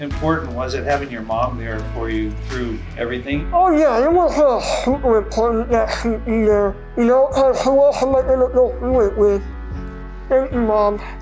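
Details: 21-year-old man with a very rare syndrome affecting face, eyes, fingers and throat; palate and throat surgeries not fully successful, further surgery hoped for; hypernasal speech with reduced intelligibility.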